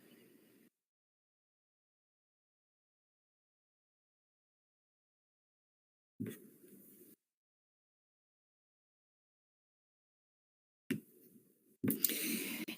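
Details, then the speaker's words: Harsh, hollow, tube-like breath sounds separated by pauses: bronchial breathing heard over lung consolidation in community-acquired pneumonia (a teaching example, in a discussion of children). "Porque como a condensação da transmitir muito bem o ar a gente ouvir o ar passando em via aérea"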